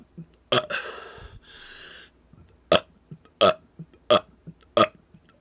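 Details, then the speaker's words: Deliberate burping in a one-minute burp challenge (83 burps counted): one long burp, then a quick run of short, punchy burps at a steady pace. "uh those last two did not count they happened after it they happened at a minute and one in a minute in two seconds but everything other than those last two burps that is how many burps i can get out in one minute"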